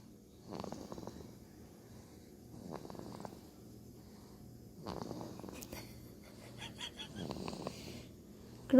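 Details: Rough, rattling snores recur every two to three seconds over faint room noise; ordinary snoring.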